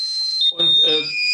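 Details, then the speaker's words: Simulated intensive care unit soundscape played during an online talk on non-invasive ventilation (NIV): steady high-pitched overlapping alarm tones from ventilators and feeding pumps, with brief muffled voices. "Kennt man auch Beatmungsgeräte, Ernährungspumpen, verschiedenste Art und Weise, ist quasi der Klang unserer Intensivstation."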